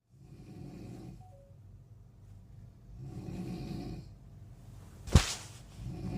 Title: Snoring sound